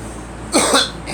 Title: Girl coughing